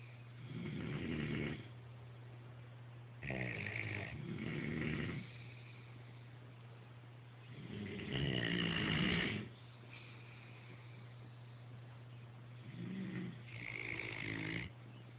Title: Genetic links to snoring.